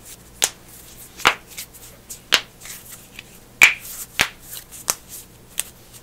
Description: Satisfying Bone Cracking Compilation! Loud Popping Knuckles, Necks, Toes, Backs, Wrists, Ankles, and More! No Talking ASMR